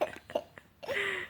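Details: A child gives several brief, sharp gulping catches, then a short voiced sound: hiccups that persist despite drinking water.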